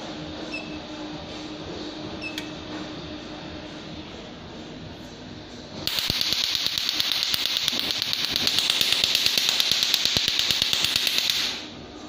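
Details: Quiet room hum, then a rapid, regular train of sharp hissing clicks, about three per second, from an Nd:YAG tattoo-removal laser (PL532A) firing.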